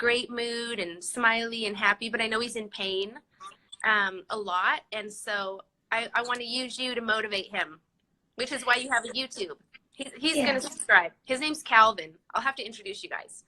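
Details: Adult woman speaking; ordinary speech.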